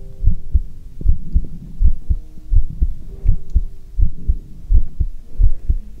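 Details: Normal heartbeat heard through a stethoscope, recorded for relaxing ASMR.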